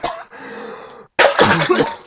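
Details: Adult coughing in an improvised comedy skit, attributed to lots of mucus: throaty, wet coughs followed by a longer rough burst.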